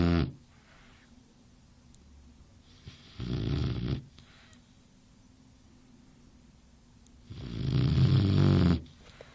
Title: Boxer puppy snoring